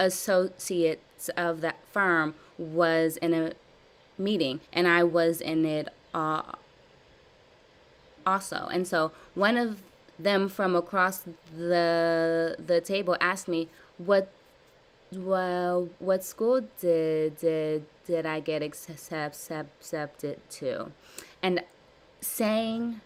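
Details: Adult woman with severe blocks since childhood, in a live stuttering therapy session practicing voluntary stuttering, prolongations and cancellations; word repetitions and revisions; stuttering.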